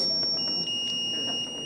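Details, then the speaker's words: Zoll crash-cart defibrillator during a routine daily check, charging to the 30-joule test energy: steady high-pitched electronic charging tone before the test shock. "then we slide up to our charge button we go ahead and press that charge button 30 joules"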